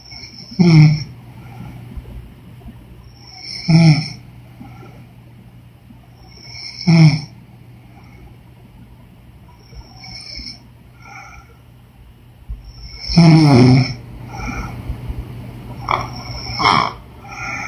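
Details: Woman snoring during sleep: loud fluttering snores roughly every three seconds over a steady room hum, some with a whistling edge.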